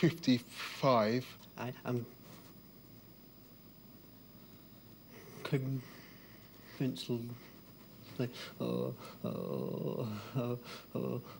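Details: Adult man with a severe, lifelong stammer; stuttering (stammering).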